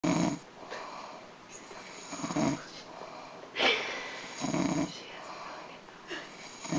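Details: Katie snoring: regular snorting snores about one every two seconds, with a rattling quality on each inspiration.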